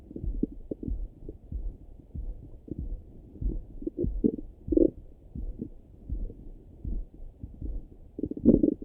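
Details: Morning stomach rumbling heard through a stethoscope: irregular low gurgles and rumbles with a few louder bubbling bursts, ordinary active bowel sounds (borborygmi).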